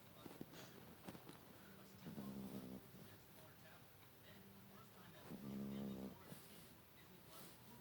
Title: cute beagle snoring